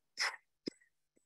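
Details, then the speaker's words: Paediatric emergency teaching: a voiced imitation of a heart murmur, a breathy whoosh then a short thump, timed with the pulse under a finger to show a systolic murmur. "like that on the pulse that's a systolic murmur"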